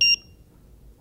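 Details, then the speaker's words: Two quick high-pitched electronic beeps from a cordless dental light-curing pen, normally run for 20 seconds to cure marking information onto a dental appliance; then quiet room noise. "here i have a little curing light that comes from the company itself is called spring health it's a cordless light i then place this down over i then cure normally for 20 seconds"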